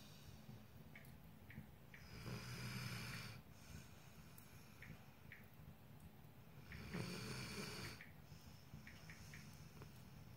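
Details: Soft rattling inhaled snores about four seconds apart, with quiet crackling from a fire in the background; ordinary snoring.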